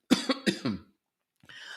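Four quick, harsh cough bursts in a row, then a soft breath. Coughing reflex triggered by spray reaching the back of the throat.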